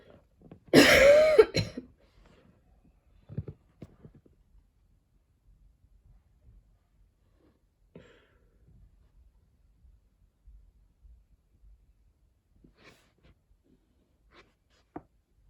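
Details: A person with a lingering cough, heavy breathing lately and a tickly throat, coughing while studying: a harsh burst of several quick coughs, then a few faint throat sounds and quiet breathing; a persistent cough.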